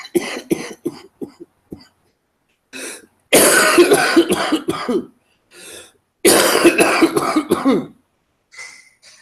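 Repeated harsh coughing in bursts, several short coughs then two long rough coughing runs, about twenty coughs in all.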